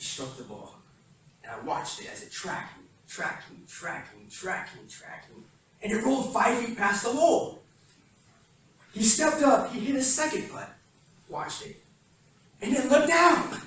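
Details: Real stuttering in a man who has stuttered since he began speaking, recorded between 2013 and 2019 while working to improve fluency; he reports sometimes needing minutes for a single sentence.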